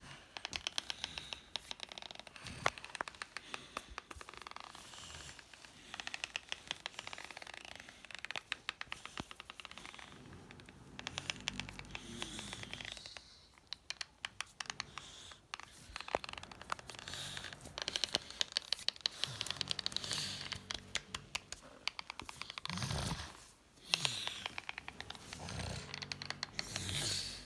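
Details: A person with Bohring-Opitz syndrome who grinds teeth while awake when nervous or agitated: repeated sharp, gritty scraping and clicking almost without pause; bruxism (teeth grinding).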